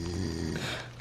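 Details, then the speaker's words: Dog asleep in a tent at 3 a.m. during a cold, snowy overnight camp: a low, rumbling snore with a steady throaty flutter through each breath; ordinary snoring. "He's sleeping still. You can hear him snoring."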